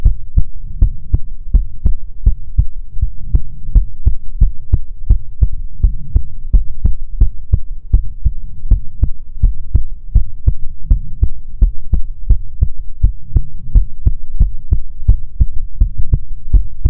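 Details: ASMR heartbeat recording: steady low paired thumps at about 80 beats a minute with a faint hum behind; an ordinary regular heartbeat.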